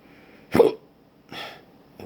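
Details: Patient with persistent intractable hiccups since December 2015, about every 3 seconds (20 per minute), with breathing and choking spasms, cause undiagnosed; recorded around 1 a.m.: two abrupt hiccup gulps about 0.8 seconds apart in a quiet room.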